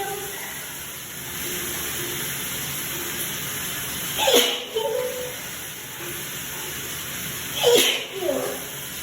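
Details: Two sudden sneezes about three seconds apart, each with a short voiced tail, over room hiss; recorded in the shower right after starting a new soap, suspected soap sensitivity triggering a fit of about 30 sneezes; sneezing.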